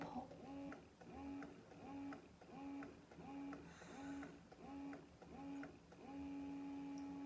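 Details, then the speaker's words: Baby Buddha breast pump in stimulation (let-down) mode after power-on: motor hum with rhythmic quick suction pulls, about 86 a minute, then one longer pull. "So when you hit the power button, it's gonna go onto this bacon or stimulation mode. And if you hear it, it goes beep, pull, and then that long pull."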